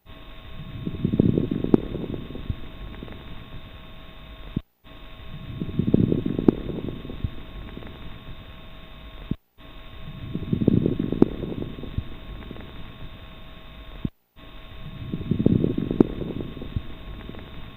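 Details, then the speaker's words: Coarse crackles heard by stethoscope as teaching audio for nursing exam prep: low, bubbling crackles with each breath, about 13 breaths a minute; fine versus coarse crackles help gauge how much fluid is in the lungs. "describing whether the crackles are fine or coarse will help the doctor decide whether the how much fluid the patient may have on the lungs having explained this let's listen to coarse crackles"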